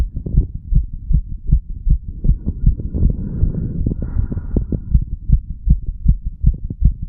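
Rapid, regular low thumping heartbeat, roughly 80 beats a minute, with some rubbing noise in the middle.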